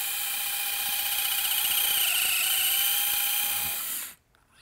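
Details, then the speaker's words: Surgical power drill on bone during right partial knee replacement: high-pitched steady whine for about four seconds, then stops, while drilling femoral lugs through the finishing block to set component rotation. "So the first thing with the finishing block in place, just to make sure we keep perfect rotation, is I'll drill the what's called the lugs."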